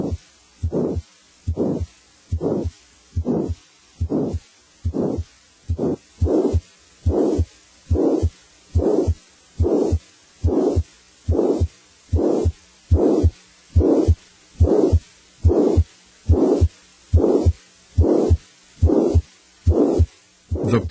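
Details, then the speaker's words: Heart murmur in a teaching example on murmur grading: a steady heartbeat at about 71 a minute, each beat followed by a drawn-out whooshing sound. "A grade three murmur is moderately loud. Grades four, five, and six are increasingly loud and accompanied by a palpable thrill."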